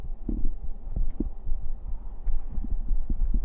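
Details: Heartbeat of a male streamer heard close to his chest during a bedtime ASMR livestream: soft low thumps at roughly 95 beats a minute under a muffled rumbling background; normal heart sounds.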